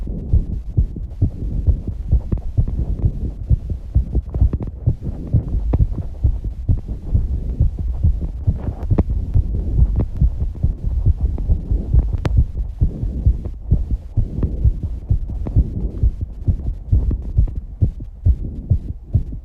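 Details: A 19-year-old female's rapid, strong heartbeat of about 130 beats a minute after exercise, with muffled thumping, heavy breathing and some breath-holding; fast heartbeat after exercise.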